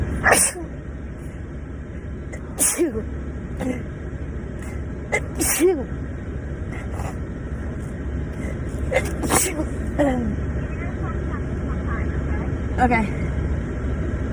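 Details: Five or six sharp sneezes over steady background noise, set off by Covid-19 nasal swab tests in girls (compilation of TikTok clips); repeated, uncontrollable sneezing.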